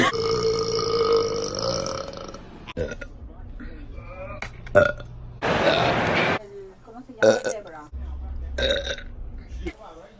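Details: Compilation of burps from a girl: several loud, drawn-out, gurgling belches in a row, with brief talk and laughter between them; repeated burping.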